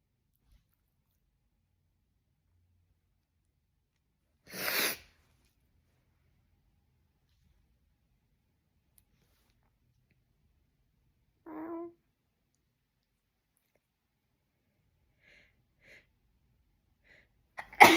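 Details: A single sharp, explosive sneeze in a quiet room, then a fainter second burst and a loud final one; repeated sneezing.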